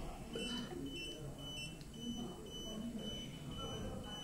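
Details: Steady high electronic beeps and tones from a veterinary anesthesia ventilator (for patients up to 100 kg) during setup, with faint room noise; ordinary device control sounds.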